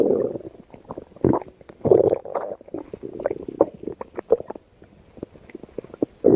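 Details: Growling stomach (borborygmi): irregular gurgling rumbles and squeaky bubbling pops in bursts with brief quiet gaps.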